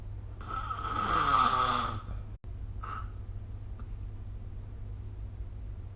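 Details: One long, loud, vibrating inspiratory snore, then a short fainter snort over steady background hum; sleep snoring recorded with the SnoreLab app.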